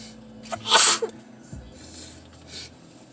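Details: Sneezing challenge, nose irritated on purpose (burning): a single loud, explosive sneeze with a sharp hissing burst, then quieter breathy sounds; induced sneeze.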